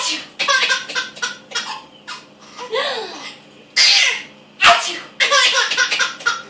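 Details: Sneezing to amuse an infant: two abrupt, explosive sneezes amid bouts of baby giggling and laughter; ordinary sneezes.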